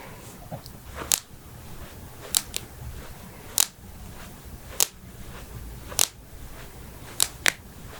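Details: Joint cracking (cavitation) popping sounds from a head-to-toe compilation of knuckles, backs, necks, toes, ankles, hips, wrists, and jaws.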